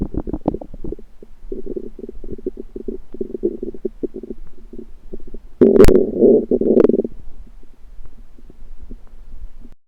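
Rapid, irregular gurgling rumbles swell into a louder, longer growl midway, then settle; ordinary stomach rumbling.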